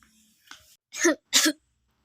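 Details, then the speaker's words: Simulated nasotracheal suctioning in a nursing skills demonstration, catheter withdrawn with suction for 15 seconds or less: faint breath then two short harsh role-played coughs from the patient; cough during suctioning. "apply intermittent or continuous suction by placing your non-dominant hand over the vent of the catheter for 15 seconds or less at the same time slowly withdraw the catheter as you roll it back and forth between your dominant hand and forefinger"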